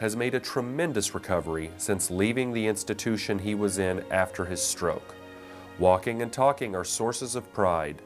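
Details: Adult male narrator; normal speech.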